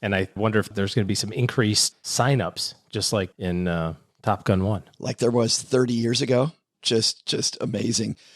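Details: Adult male speaker; ordinary speech.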